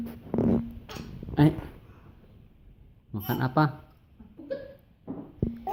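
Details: Adult woman: several loud, voiced sneezes with short breaths in between.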